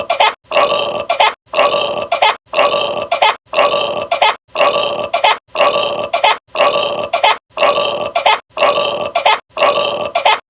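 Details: Loud, long belches repeating about once a second, very regular, possibly a looped recording; repeated burping.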